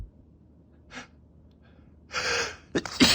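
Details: Male, allergy sneezes: a sharp in-breath, then a loud, explosive sneeze with a second burst right after; repeated sneezing.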